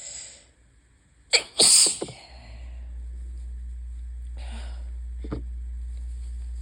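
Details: Allergy sneezing on a high-pollen day with an open window: two sharp, explosive sneezes close together, then a softer sneeze, against a steady room hum.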